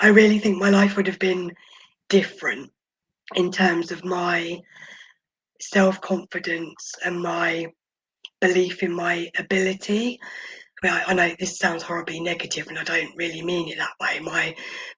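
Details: Adult woman, former preemie, who spent about 5 months in the NICU mostly on a ventilator and oxygen; vocal cord paralysis from ventilation.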